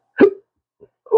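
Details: Man with persistent chronic hiccups describing lost careers and social life; abrupt short voiced gulps with sudden onset, repeating about every second.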